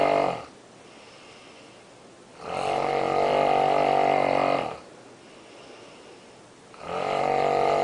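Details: Adult woman snoring loudly in her sleep in a hotel room: loud, rough snores on the in-breath, each about two seconds long, alternating with quieter out-breaths, about 14 breaths a minute; snoring.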